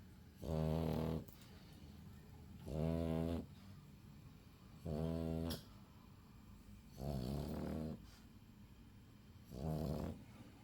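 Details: Sleeping pug snoring: five loud, buzzing, even snores, about 27 a minute, in a quiet room.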